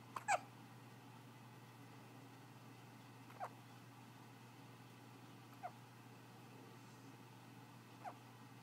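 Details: Person trying to sleep through hiccups: four brief, sharp hiccup sounds spaced about two to three seconds apart against quiet room hum.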